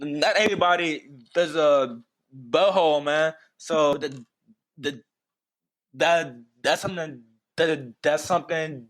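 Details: Stuttering in an adult man who has stuttered for as long as he can remember.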